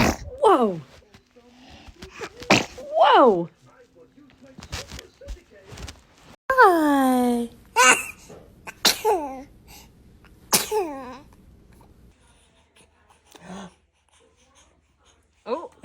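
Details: Infant sneezing: several small, high-pitched bursts with squeaky vocal tails, separated by quiet pauses, with an adult's voice between them.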